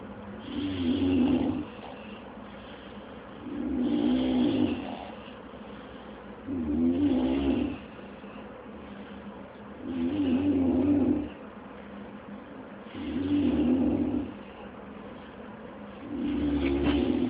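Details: Loud, regular rumbling snores with quiet pauses between, about 19 a minute; actual snoring was louder than recorded; ordinary snoring.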